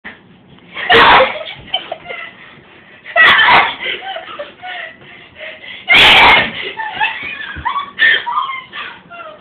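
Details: Three loud, sharp sneezes in quick succession, about two to three seconds apart, with faint talk and room noise between; a sneezing fit.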